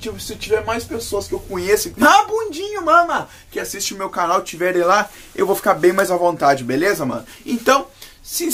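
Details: Man with Tourette syndrome speaking Portuguese, with an involuntary interjected word mid-sentence; Tourette syndrome vocal tic.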